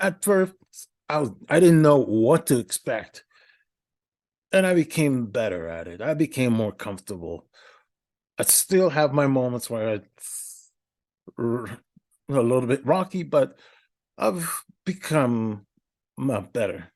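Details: Adult male podcast host with a speech impediment for about a decade, in therapy for stuttering; stuttering with many filler words, odd verbal interruptions and repetitions.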